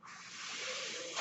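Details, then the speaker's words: The podcaster's own mechanical ventilator: a steady, airy hiss of forced airflow swells slightly toward the end as it delivers a breath between her spoken phrases. "hello everyone my name is for that noisy agrees by ventilator and welcome page turners they were not my story's podcast"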